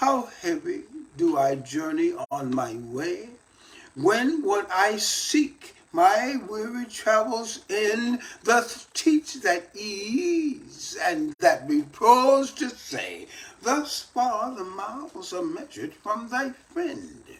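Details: Post-stroke speech in an adult male stroke survivor reading a Shakespeare sonnet aloud as part of his daily voice therapy practice.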